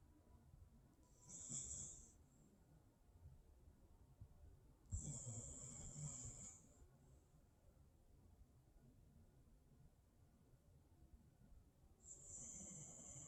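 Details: Puppy Allie snoring while dreaming: soft rasping snores with long quiet pauses, about three over 13 seconds, in a quiet room.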